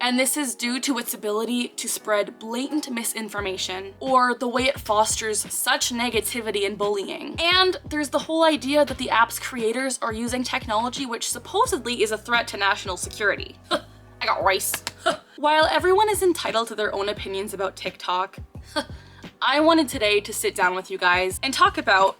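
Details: Involuntary vocal tic occurring mid-speech in a 24-year-old woman with Tourette syndrome, a neurological disorder causing involuntary movements and sounds.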